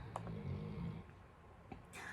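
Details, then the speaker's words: A bloodhound snores loudly in the background of a room recording, heard over the owner's speech; loud dog snoring. "I don't have my microphones on so you can probably hear my blood hound snoring it's quite loud right now"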